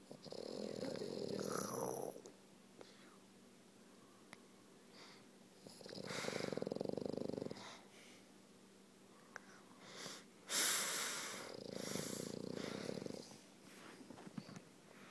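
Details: A French Bulldog asleep on his toy snores loudly with each breath in, a rattling buzz roughly every five seconds; snoring.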